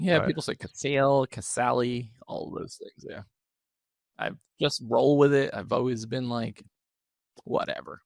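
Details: Adult male with one vocal fold paralysed by open throat surgery for a rare chronic recurring throat condition, after 2021 endoscopic surgery; voice improved, still with vocal fry and tiring daily; unilateral vocal fold paralysis.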